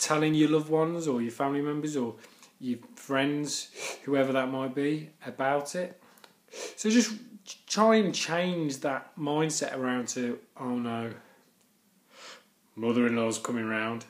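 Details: Adult man who stammers; stuttering (stammering).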